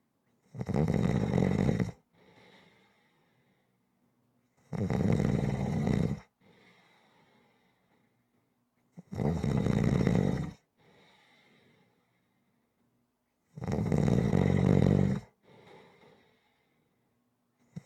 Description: ASMR Snoring audio to relax to / Fades to Black Screen